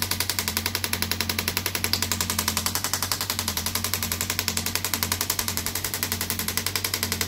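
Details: Radial shockwave therapy on an arm wrestler's triceps, patient sitting forward; rapid, steady mechanical tapping at about 220 pulses a minute over a low hum, which the patient says feels like deep tapping on the bones.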